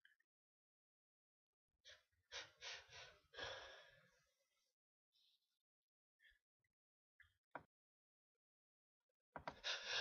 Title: sneezes